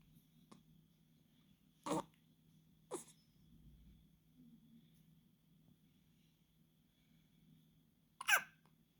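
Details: A few short, abrupt catches of breath in a quiet room from a baby a few days old; newborn hiccups, common and normal at this age.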